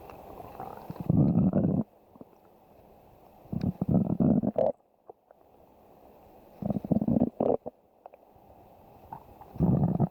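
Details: Stomach growling: low gurgling, rumbling bursts with quiet gaps, ordinary borborygmi.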